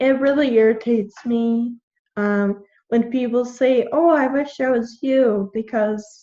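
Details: 21-year-old woman with Friedreich's ataxia, a genetic neuromuscular degenerative disease; symptoms from about age 9, diagnosed at 13, with progressively slurred speech. Finding: ataxic dysarthria (slurred speech).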